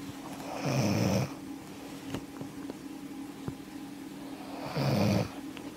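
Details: Woman caught snoring by her boyfriend: two loud, low, rumbling snores about four seconds apart over quiet room hum with faint clicks; snoring.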